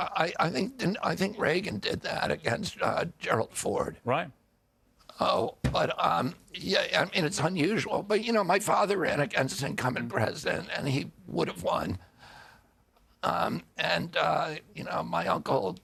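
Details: Adult man with a neurological disorder he calls spasmodic dystonia, caused by an injury in 1996 at age 42. Signals make his vocal cords tighten constantly; it is not a tissue injury. Kyoto surgery about eight months earlier improved reliability; now doing alternative therapies. Spasmodic dysphonia.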